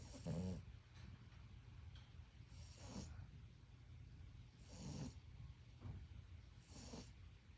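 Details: Loona, a sleeping dog, snoring loudly and rhythmically: four snores in about seven seconds, with rough low rattling on each breath.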